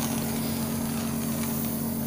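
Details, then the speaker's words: Suction machine running during tracheostomy suctioning, with vacuum applied while withdrawing the catheter: a steady low motor hum with a soft hiss and a brief louder burst at the end. "और उसके बाद vacuum pressure आपने अंदर डालते time नहीं बनाना, पहले release करें और फिर बाहर निकालते टाइम वैक्यूम प्रेशर बनाएं।"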